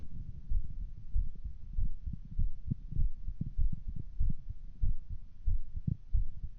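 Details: Person recording their own heartbeat through a phone: regular low thumping at about 97 beats a minute; normal heartbeat.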